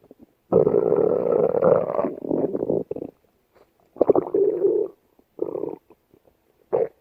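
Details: Stomach growling from a female yellowbelly: loud gurgling, rumbling belly bursts of varying length with short pauses, from gas and fluid moving through the gut.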